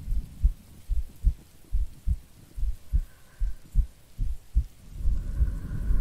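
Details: Normal heartbeat recorded for a sleep-aid role-play of a sleepy girlfriend: steady paired low heart thumps at about 70 beats a minute, with soft rain noise rising in the background.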